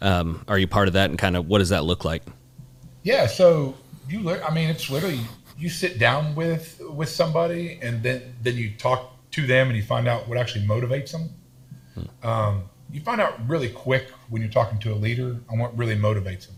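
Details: Adult man with a self-reported lifelong stutter and lisp, in speech therapy his whole life; stuttering.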